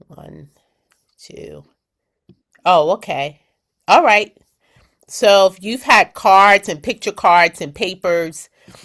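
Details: Post-stroke aphasia with word-finding difficulty in an adult woman, describing an object during a word-finding game in an aphasia conversation group.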